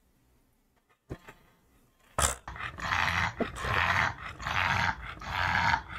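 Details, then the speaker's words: Flat-faced brachycephalic dog at rest, graded grade 3 stertor: rapid, rough, low-pitched, very loud snoring breaths likened to sawing, ending in a brief whine; upper airway obstruction in brachycephalic obstructive airway syndrome (BOAS). "Parang naglalagari, di ba? So that's grade 3. Even at rest, you can hear it very loud, clear, loud and clear."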